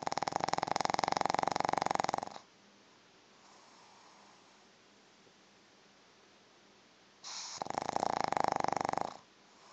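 Two long, loud, rattling snores separated by a quiet pause, typical of a flat-faced dog snoring in sleep.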